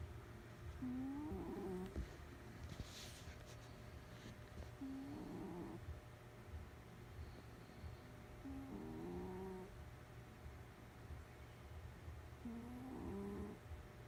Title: Cat snoring. Random video.